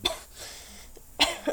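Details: Two short, dry coughs a second apart in a quiet room, from a person who is sick.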